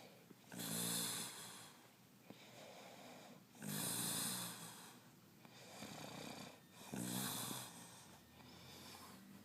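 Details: Rough, rattling snores about every three seconds, with quieter breathing between them; snoring during sleep.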